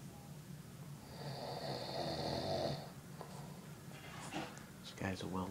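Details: Sleeping man with a rough, rattling snore on the in-breath over low room noise, ending in mumbled sounds; ordinary snoring.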